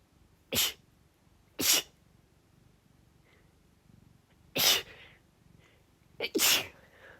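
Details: Woman sneezing while typing a report, with keyboard sounds and a loudly purring cat in the background: four sharp, explosive sneezes in about seven seconds, the last a quick double.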